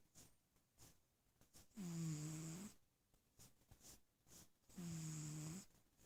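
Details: Sleeping cat giving two long, buzzing snores about three seconds apart, with quiet breathing between them.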